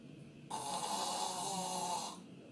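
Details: Snoring recorded in a discussion of the causes of snoring and sleep apnea: throat sounds described as the tongue being sucked back into the airway, signalling an increasingly risky state.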